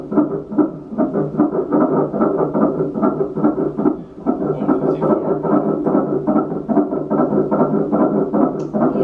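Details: Rapid, regular whooshing pulses at about 146 a minute from a Doppler on a pregnant mother's abdomen; a fetal heartbeat in the usual range, called a good heartbeat.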